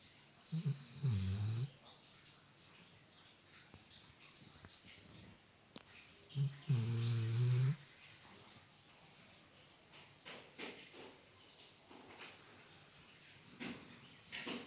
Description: Riley, my dog, snores so loud that sometimes I wake up in the middle of the night 😒